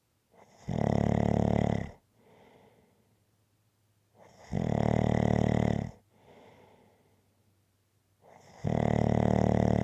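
Loud, rattling snores on each breath in, with quieter breaths out, about 14 breaths a minute: snoring.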